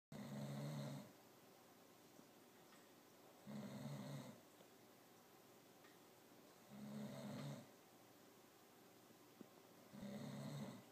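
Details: A sleeping cat gives soft, regular purring snores on each breath, about four in ten seconds, in a quiet room: loud cat snoring.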